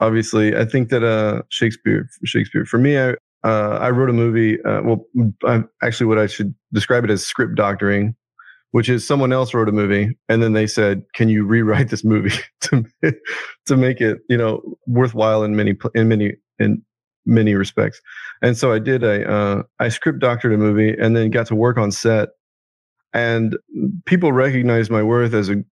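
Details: Adult man with Tourette syndrome, whose involuntary vocal tic is a word repeatedly blurted out mid-conversation; he also has anxiety and obsessive traits associated with Tourette's; Tourette syndrome vocal tic.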